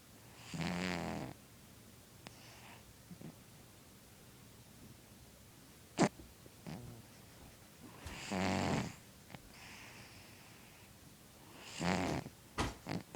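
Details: A sleeping cat snores, with three rattling snores spaced several seconds apart and small snorts and clicks between them; snoring.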